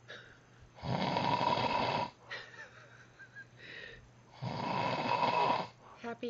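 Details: Loud, harsh, rattling snores, each over a second long, at two or three in the morning, with quieter breathing and faint sounds between: snoring.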